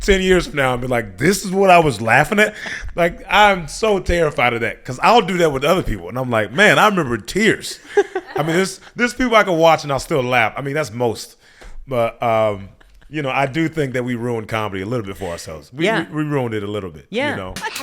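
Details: Adult man speaking; typical speech.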